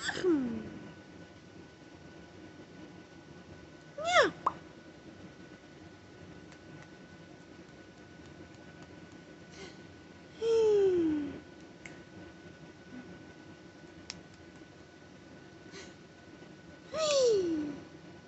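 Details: Vocal tics in a parent of five that began after a stressful day of phone calls, during treatment for a bad ear infection with antibiotics, steroids and Tylenol, after stopping Benadryl: sudden brief squeaks and falling high-pitched sounds at irregular intervals between quiet stretches.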